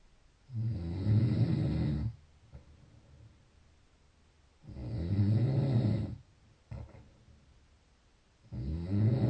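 Deep, low, rumbling snores about every four seconds, with quiet pauses between them: regular snoring.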